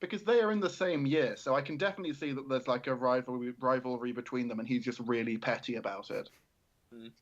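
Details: Adult male speaker; normal speech.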